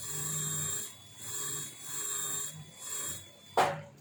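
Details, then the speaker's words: Dental implant site drilling on a model with minimal drilling (initial drill plus tapered drill) for a self-expanding implant; repeated high-pitched motor whine bursts with grinding, then a sharp knock. "So right now, though this model cannot show the expansion, I'll use the implant with minimum drilling, and the implant which will go with self-expanding."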